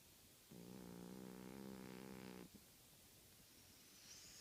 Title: Our 17 year old cat snoring